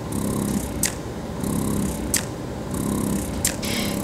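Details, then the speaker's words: Spectra S2 electric breast pump running at its highest setting: soft rhythmic whirring cycles, about three in four seconds, each ending with a brief click; a quiet, almost relaxing sound. "it's a nice quiet pump. Almost makes a relaxing sound."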